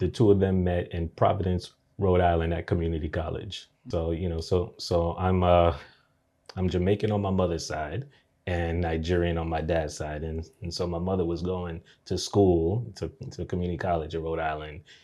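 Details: Adult man who has stuttered since age three, onset after a nightmare; reports blocks and repetitions, worsened by anxiety into adulthood; speech therapy since 2020; stuttering.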